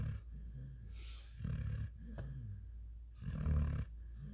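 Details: Five-month-old German Shepherd x African Boerboel dog snoring while sleeping: repeated low snorting, rumbling breaths, about three in four seconds.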